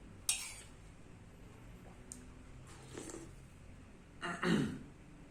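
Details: Man with Tourette syndrome: brief abrupt throat-clearing sounds in a quiet room, a vocal throat-clearing tic.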